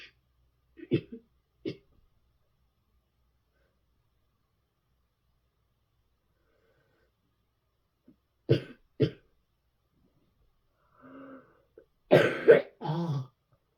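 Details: About six scattered single coughs and short throat-clearing bursts in bed in a quiet room, ending with a harder rough cough.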